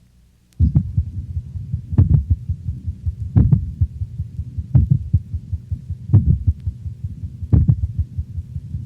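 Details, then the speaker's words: Dog with complete heart block over the mitral valve area: slow, loud ventricular beats near 43 a minute, with softer, faster, lower-frequency atrial sounds falling between them from two independent rhythms. "listen carefully for the lower freaky atrial sounds occurring between the louder but slower ventricular contractions of complete heart block"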